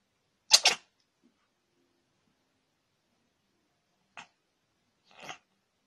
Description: Cute and funny sneezing cats. Sneezing cats sneeze like people.